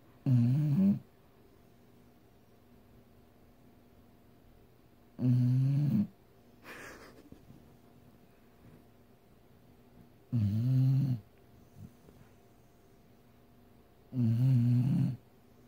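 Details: Sleeping dog snoring loudly: four deep snores in about 15 seconds with quiet pauses between, roughly 15 a minute.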